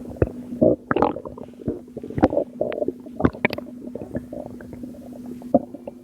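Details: Abdominal sounds recorded from a postpartum mother at 2am, stomach still not going down: irregular wet gurgles, squelches and bubbling pops over a steady low hum; abdominal gurgling.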